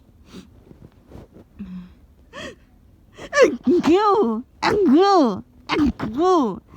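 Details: A person getting a cold, who also had a nosebleed: a string of rising, voiced 'ah... ah' gasps building up as if before a sneeze, with sharp catches of breath between them; gasping.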